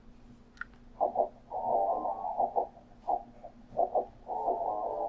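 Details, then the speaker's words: Simulation of what a student with bilateral hearing aids and FM system hears without her hearing aids: muffled rock music with only dull low and middle tones, treble gone, simulating high-frequency hearing loss. "so this is essentially what she is picking up in this conversation okay so good doesn't hear anything grandpa all she's hearing is the a's the us okay so now we're going to take a little listen to what megan will experience without her hearing aids"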